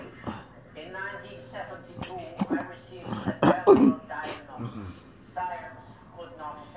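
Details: Patient with intractable hiccups since December 2015, recorded October 27, 2019; speech interrupted by a couple of harsh, forceful throat-clearing bursts; throat clearing.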